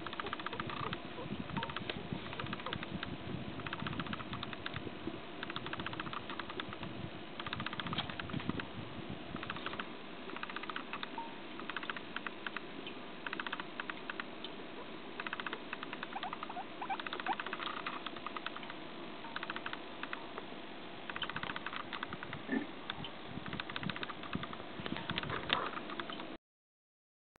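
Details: Guinea pig named Kohaku, possibly the most timid of the group, making rapid, repeated dry clicking teeth chattering (bruxism), a sign of fear or agitation.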